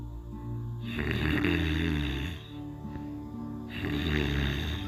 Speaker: Every night the same thing. Snoring away my wife.